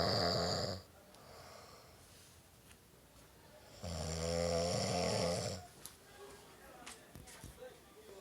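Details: Two loud, rough, low rattling snores a few seconds apart, with quiet room noise between: a sleeping male snoring "like a saw," using his nose as a resonance cavity; snoring.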